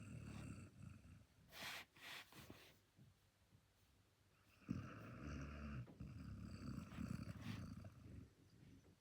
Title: Basset Hound snoring ❤️😴 (turn up volume)